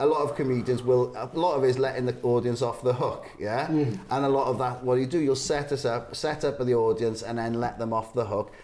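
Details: Adult man speaking; normal speech.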